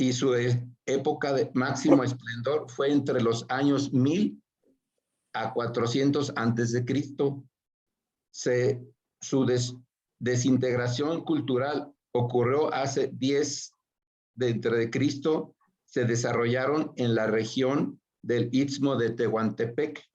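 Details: Aphasia after a stroke (acquired brain injury) in an adult man speaking Spanish in a workshop for people with aphasia.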